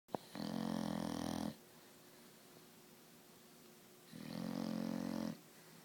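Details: Two long, loud, rumbling snores with a quiet pause between them, in a quiet room, from a napping bulldog: snoring.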